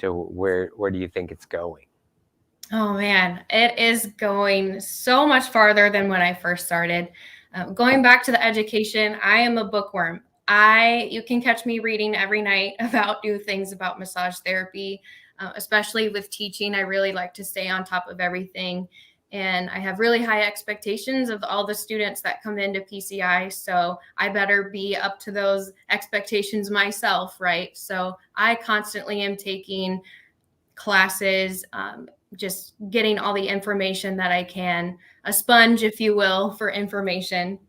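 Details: Adult woman speaking; normal speech.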